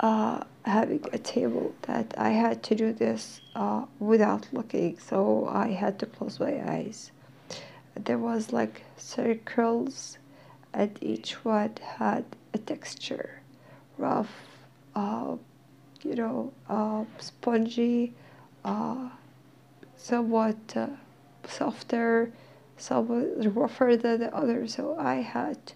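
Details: Dysphonia in a female speaker who is in therapy; she says she is hard to understand.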